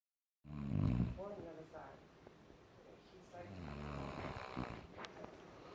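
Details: Adult woman asleep, snoring heavily: a loud, deep, rumbling snort followed by rough, fluttering breathing noises.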